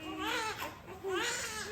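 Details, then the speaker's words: Newborn son's first cry just after delivery, following epidural labor: two loud, strong crying bursts, a vigorous big cry, reassuring that he is breathing, before being placed on the mother's chest. "Yeah. And he cried. Yeah. Which is good. You know, you always hear that you really want to make sure that they cry so that you know that they're breathing. He had a big cry."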